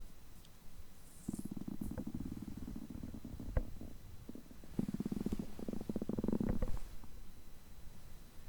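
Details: Person's stomach growling after overeating, groaning typically for over three hours: low, bubbling rumbles and gurgles in long pulsing runs; ordinary digestive borborygmi.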